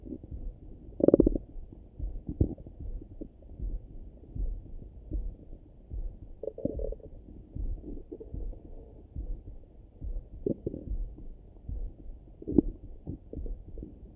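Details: Own stomach rumbling in the morning heard through a stethoscope: soft irregular gurgles with a few louder bubbling bursts, normal active bowel sounds.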